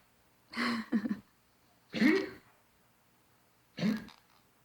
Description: My senior pug Beans was diagosed with collapsed trachea / tracheal collapse. Here is what her regular coughing sounds like.